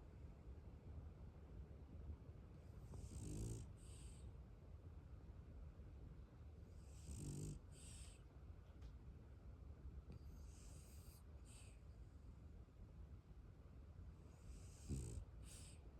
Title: I am not snoring never